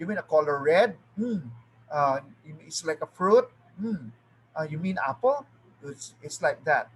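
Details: Adult speakers; normal speech.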